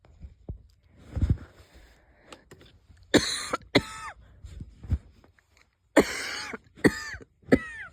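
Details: Several light coughs, some with a whistling wheezy tail, plus stifled sneezes, from a person unsure whether it is a cold starting or an asthma flare-up; wheezy cough.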